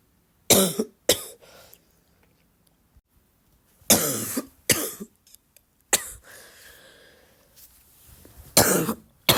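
Six loose, rattly coughs with throat clearing between them, a wet, productive-sounding cough.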